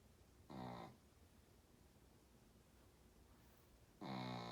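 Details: Two short, buzzing, tonal snores about three and a half seconds apart, over a steady room hiss; snoring.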